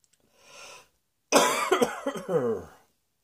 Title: Cross Dressing Coughing 55